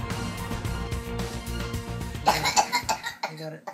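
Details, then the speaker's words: Child during a local rise in pertussis cases: after a few seconds of music, a rapid run of harsh coughs, typical of whooping cough. "that's the sound no parent ever wants to hear but whooping cough among school-age children is way up over last year in Grant County"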